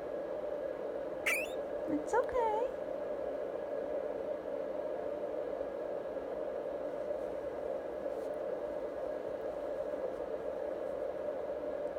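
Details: Two short high-pitched squeaks over a steady background hum from a pregnant foster guinea pig straining to deliver the first of two babies; pain cry during a difficult labour.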